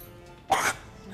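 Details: Adult woman, the mother-in-law on a TV cooking show, in a coughing fit gives one short, harsh cough burst over faint background music: cough.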